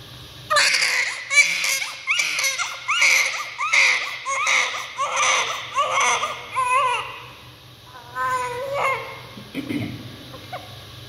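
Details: Baby's first cry just after birth: strong, rhythmic newborn crying in repeated bursts with brief pauses, fading to whimpers; a vigorous healthy cry.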